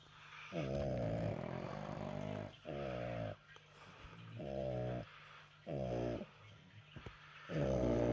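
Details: Snoring from pug dogs.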